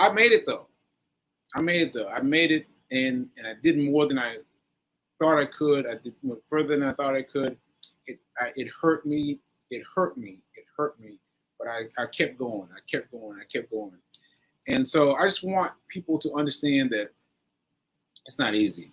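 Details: Aphasia in a man recovering from a stroke on 7/14/22, recorded 7/4/23; he says his aphasia makes things harder for him.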